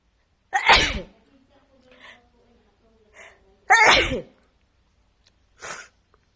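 Two loud explosive sneezes about three seconds apart, with soft breaths and a small burst between; repeated sneezing.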